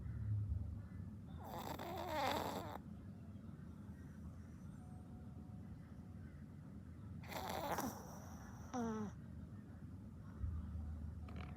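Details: Person asleep with light snoring: soft, fluttering snores on two breaths about five seconds apart over steady room noise.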